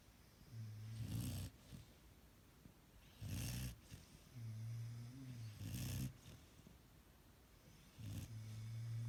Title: Snoring Appa